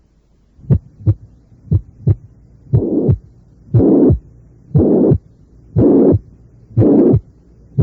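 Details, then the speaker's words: Simulated heart sounds near 60 a minute at the apex, with a shortened systole. A typical systolic murmur is followed by rumbling diastolic murmurs: combined mitral stenosis and mitral regurgitation. "reconstruir para ustedes este complejo auscultatorio primero el soplo sistólico y después los soplos"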